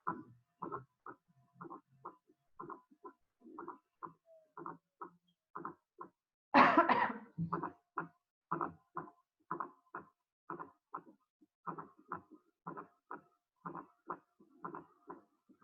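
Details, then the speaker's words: Regular heart sounds with an extra soft sound just before the first sound: a fourth heart sound (S4), which, unlike a third sound, is always pathological. "a diferencia del tercer ruido siempre que escucho un cuarto ruido es patológico"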